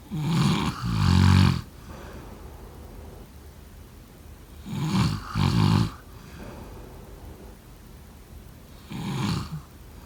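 Rough, rattling snores come in two-part bursts, about 13 a minute, with quiet stretches between them. Loud sleep snoring.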